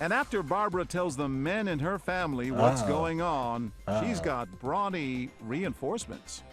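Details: Adult narrator; normal speech.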